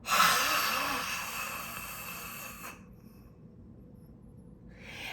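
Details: Huff cough (forced expiration technique) by an adult with bronchiectasis, standing upright after deep diaphragmatic inhalation with abdominal muscles engaged: one long open-mouthed forced exhalation, a breathy rush fading after about 2.5 seconds, to clear mucus.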